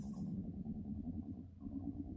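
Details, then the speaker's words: Speaker's own stomach growling during a talk: a low, rolling gurgle with an uneven rumbling quality, ordinary borborygmi. "Oh, I don't know if you guys could hear that. My stomach was loud."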